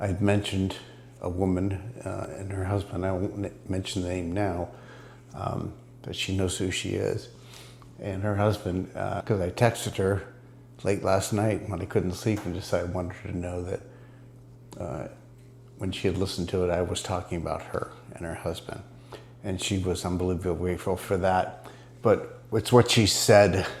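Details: Multiple system atrophy (MSA) dysarthria in an adult man, recorded about 6 weeks after ibogaine treatment, which he says is improving his speech; dysarthria in multiple system atrophy.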